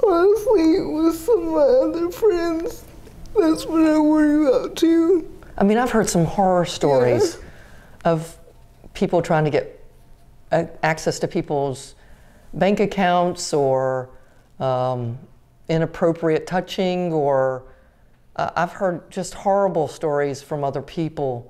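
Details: Adult woman speaking; typical speech.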